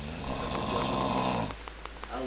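Loud rattling snore on a breath in, followed by quieter breathing; ordinary adult snoring.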